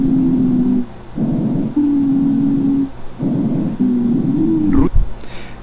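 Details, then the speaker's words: Expiratory wheezes on auscultation: long musical whistling as air is forced through spastic, markedly narrowed small and medium airways, as in asthma (mucosal edema, muscle spasm, hypersecretion). "silbido del aire al pasar forzada a través de tubos respiratorios espásticos de tubos respiratorios de un calibre muy inferior al que normalmente tiene"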